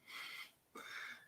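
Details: A dog sleeping right by the microphone snoring loudly, with two airy, hissing breaths and a short pause between them.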